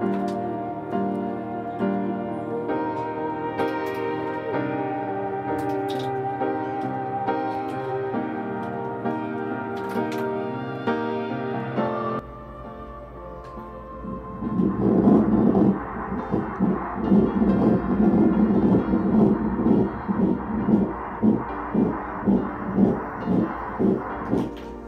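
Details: First heartbeat of IVF twins heard on ultrasound in early pregnancy: rapid, rhythmic whooshing pulses, with soft music playing underneath; both twins reported growing well.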